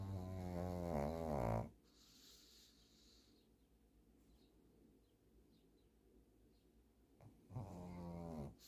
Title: She is loud ! #sleepingdogs #snoring #snoringdog